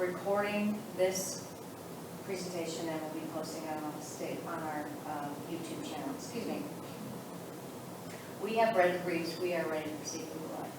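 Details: Adult woman speaking; Normal voice.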